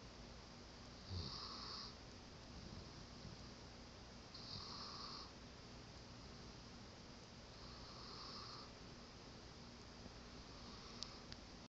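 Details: Sleeping on a person and snoring: slow, rhythmic snoring with a soft rasp on each breath, about 17–18 breaths a minute, over steady room hum.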